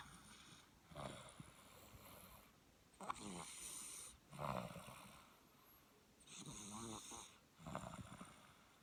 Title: snores